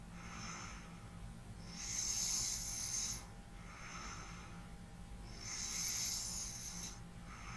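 Soft, hissy breathing cycles with light snoring on the breath, about 16 a minute, over a faint steady hum.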